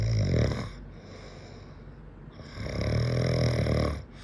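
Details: Adult man snoring in sleep: loud, deep, rumbling snores on each breath in, with quieter breath out between; heavy snoring.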